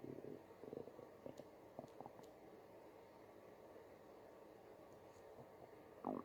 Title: stomach growling in Backstage (Part 1)